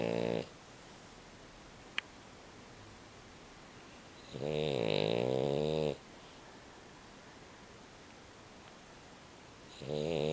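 Loud, rough, vibrating snores on the breath in, separated by several seconds of quiet; ordinary snoring.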